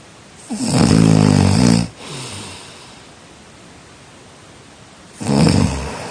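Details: Two loud, rough, rattling snores on inhaling separated by a quiet pause; heavy snoring during sleep.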